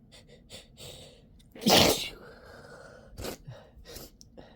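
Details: Adult with a cold and itchy nose, sneeze deliberately induced to relieve the tickle: a single forceful sneeze with a sharp inhaled lead-in, surrounded by sniffs, snorts and breathy sounds.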